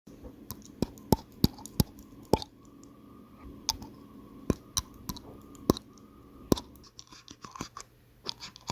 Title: SONIDO RECHINAR DE DIENTES O Bruxismo